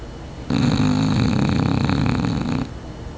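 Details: A loud, rattling, fluttering snore lasting about two seconds, from a Bulldog sleeping on a hotel couch; snoring.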